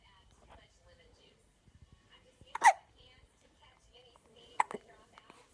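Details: Hiccups: two abrupt hiccup sounds about two seconds apart that break into soft talking.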